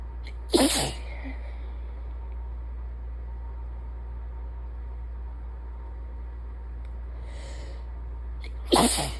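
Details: Two forceful, congested sneezes about eight seconds apart over a steady low hum, at the end of a sinus infection.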